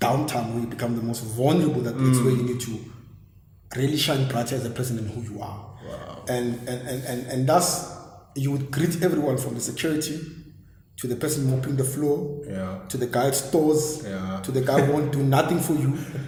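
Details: Adult man who has stammered since a very young age: stuttering (stammering).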